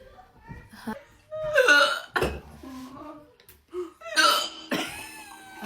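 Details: Adult woman getting hiccups after sipping cherry Coca-Cola Zero: abrupt short vocal catches recurring among burps, coughs, throat clearing and laughter.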